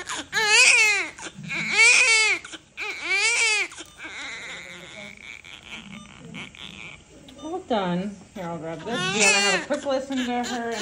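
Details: Newborn baby girl crying right after delivery under epidural: loud, strong, rhythmic crying with voices and background music in the room; newborn cry.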